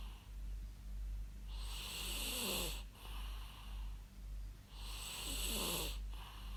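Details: Real human snoring used as white noise: two harsh, rasping snores about three seconds apart over a steady low hum.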